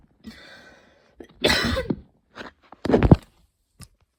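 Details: Evening coughing fit just before bed, more intense than the person's usual coughs, leaving them hot and tired: a short run of forceful, harsh coughs in a small room with breaths between bursts.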